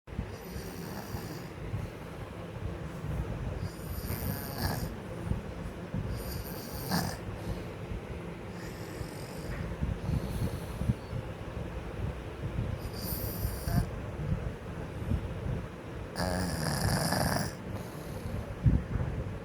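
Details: Sleeping child snoring: repeated rough, noisy breaths about every two seconds against steady low background noise.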